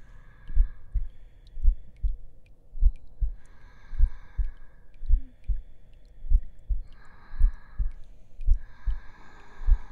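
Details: Heartbeat track in an ASMR roleplay audio as the listener lies down to rest: steady, slow lub-dub heartbeat at about 52 beats a minute, with a soft hum and faint tones behind.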